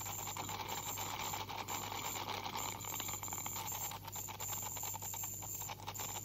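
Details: High, hissing whine with water spray and on-off bursts over low hum: ultrasonic scaler removing tartar from a 44-year-old woman's teeth with heavy plaque buildup, possible gingival inflammation, by a dental hygienist.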